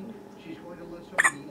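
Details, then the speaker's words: Infant girl with frequent hiccups keeping her from sleeping; parent suspects she feeds too fast. Quiet room, then one sudden sharp hiccup, a brief abrupt catch in the breath. "Oh. I hate hiccups too. They're miserable. I thought you burped already. Oh, didn't go away."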